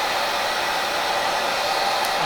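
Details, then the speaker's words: Clearway cough assist machine giving mechanical insufflation-exsufflation via tracheostomy, after a cuff pressure check of 25–34 cmH2O, to a patient recovering from a chest infection after complications of deep brain stimulation surgery: steady loud blowing airflow during a treatment cycle. "we will now see a treatment cycle being completed with the patient"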